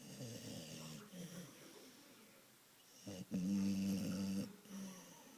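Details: Dog snoring while napping: low rumbling snores, with a louder, longer snore toward the end.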